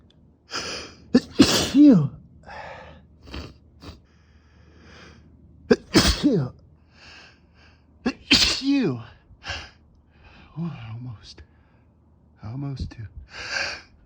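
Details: About five forceful sneezes from a male on a rough allergy day, each a sharp in-breath and explosive burst, with brief talk between; repeated allergic sneezing.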